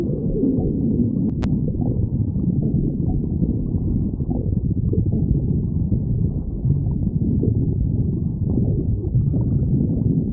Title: stomach growling 3